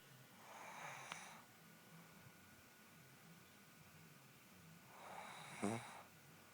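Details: Woman snoring in sleep, filmed by her husband: two raspy, snorting breaths about four seconds apart, the second ending in a sharp snort.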